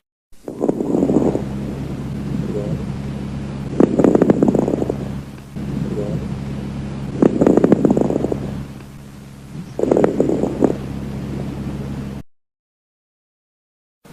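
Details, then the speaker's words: Lung auscultation with crackles (rales) at the lung bases (lower lobes): short, soft, discontinuous popping sounds, best heard on inspiration, not cleared by coughing. About 18 breaths a minute. "estertores sonidos crepitantes suaves breves y discontinuos se escuchan mejor en la inspiración y no desaparecen con la tos se localizan en la base de los pulmones en los lóbulos inferiores"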